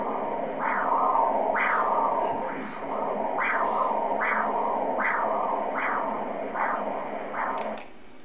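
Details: Maternal uterine artery Doppler signal on ultrasound at 9 weeks of pregnancy, recorded alongside the baby's heartbeat: regular whooshing pulses at about 75 a minute, the mother's normal arterial heartbeat.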